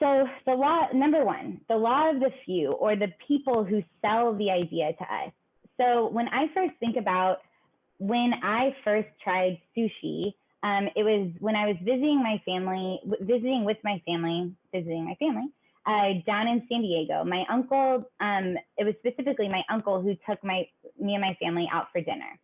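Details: Adult speaker, higher-pitched voice; ordinary speech.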